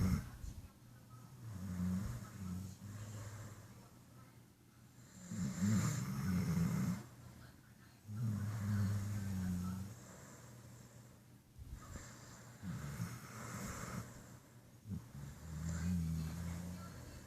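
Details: Loud, rumbling snores with deep low vibrations on each breath from Buddy, a sleeping dog who loves naps.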